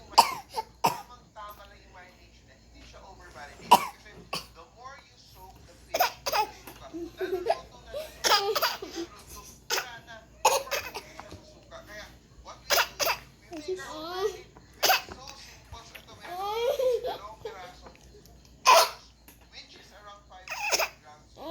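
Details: Young child giving deliberate fake coughs, short and sharp, mixed with giggles and voiced play sounds: voluntary cough.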